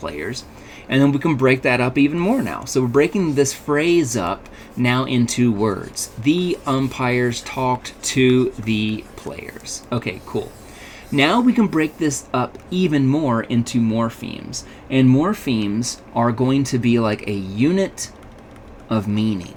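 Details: Adult male speaker; Normal speech.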